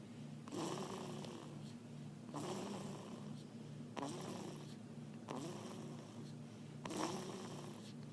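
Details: Snoring: soft, regular breaths with a rhythmic rasp on each, about five breaths in eight seconds, against a steady low hum.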